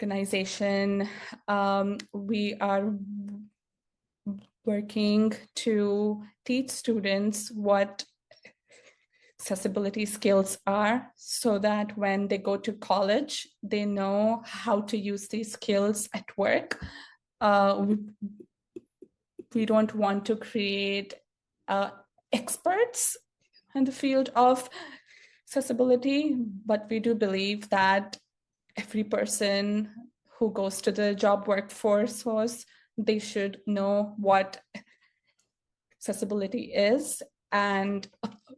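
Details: Adult woman who has stuttered since childhood and still stutters; stuttering heard in her speech.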